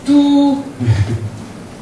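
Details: Tonal tinnitus imitation (low-pitched tone).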